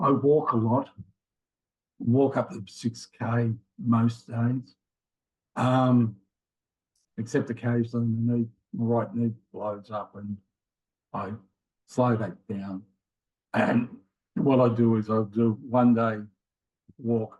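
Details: Man in his late 50s after a left-sided ischemic stroke in January 2020; his word-finding difficulty worsens with fatigue; he also had two earlier heart attacks and has rheumatoid arthritis; mild aphasia.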